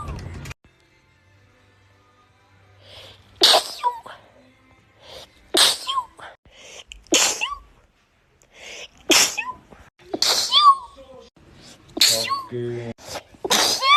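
Six sharp, explosive sneezes in a row, each with a quick intake of breath before the burst.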